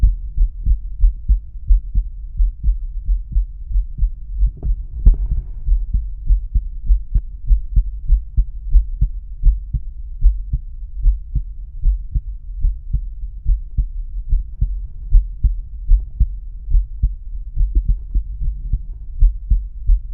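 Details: Male heart auscultated with a stethoscope diaphragm, moving through aortic, pulmonic, Erb's point, tricuspid and mitral/apex areas: normal heart sounds.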